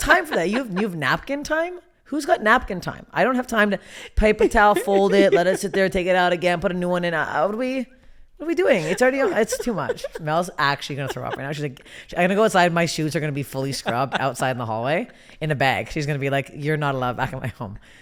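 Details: Adult woman; typical speech.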